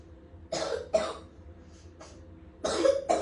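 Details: Continuous cough in a 5-year-old girl, taken to the emergency room: four harsh coughs in two pairs with quieter breaths between.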